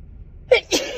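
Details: Woman's single allergy sneeze, mostly dust-allergy triggered: quick in-breath followed by one explosive burst.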